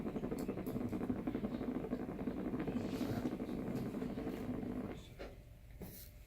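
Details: Needle EMG of the trapezius/shoulder-girdle muscles during shoulder shrug or retraction: dense rapid crackling and popping from EMG speaker during contraction, then quieting; normal voluntary motor unit firing.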